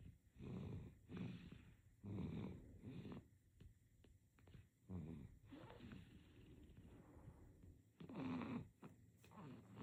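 Soft, irregular snorty breaths with nasal rattling and small clicks, quiet overall. Infant snoring during sleep.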